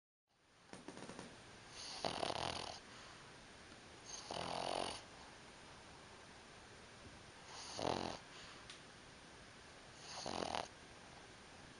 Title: Snoring Pug